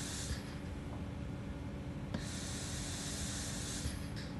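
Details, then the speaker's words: Prototype Oxford/King's College emergency ventilator for Covid-19: an ambulance bag in a box is compressed by 4-bar air through a solenoid valve to inflate lungs. Pressurised air hisses, rising and falling over a mechanical hum as tidal volume drops from 450 to about 400. "we push the button to set it and that is reflected here as we can see now the bag is compressed less and the lungs inflate less"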